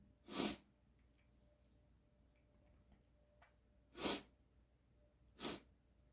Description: I love experimenting with different lighting conditions for my sneezes. You get a really nice look at the spray and snot and how it all moves with each increasingly congested sneeze.